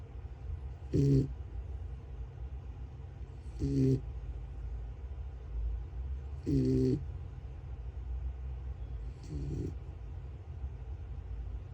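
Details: Miniature American Shepherd (mini Aussie) puppy snoring while asleep: short rattling snores about every 2.8 seconds, roughly 22 per minute, over a low steady hum.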